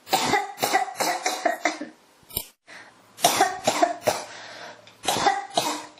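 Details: Repeated bouts of short, harsh coughs, about a dozen in six seconds with brief pauses between runs, a persistent cough.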